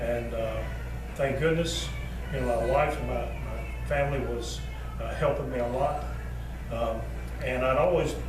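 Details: Former power-lifter and retired policeman who had a massive stroke at age 48, needed eight months of daily therapy to speak after a period of no speech, and still mispronounces many words; aphasia.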